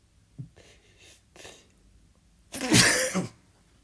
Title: Sneezing again.